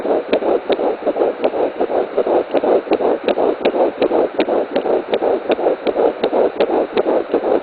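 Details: Fetal heartbeat at 10 weeks 5 days: rapid, regular whooshing at about 160 beats a minute, a normal early pregnancy rate.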